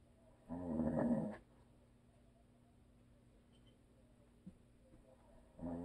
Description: My hubby snores and always will.